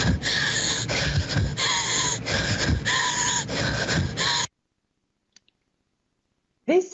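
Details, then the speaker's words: Inspiratory stridor in a female athlete with severe exercise-induced laryngeal obstruction: rapid, loud, harsh breathing with a high whistling crow on each inhalation, then silence. "exercise induced laryngeal obstruction is not a rare diagnosis because if you listen to this breathing sound my experience is that nearly everybody have heard it"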